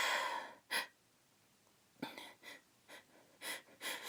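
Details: Several short, partly held-back uncovered sneezes from a female, sharp breathy bursts after brief inhalation in a quiet room.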